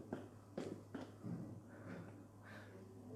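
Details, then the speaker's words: A fetal heartbeat on Doppler: muffled rhythmic whooshing pulses over a steady electrical hum. "네, 애기 심장 소리입니다."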